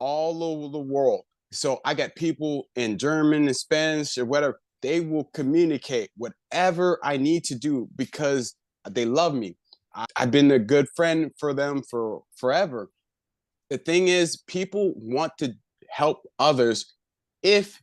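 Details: Adult man with aphasia after a left-hemisphere stroke about one year earlier, still recovering, with word-finding difficulty; aphasia.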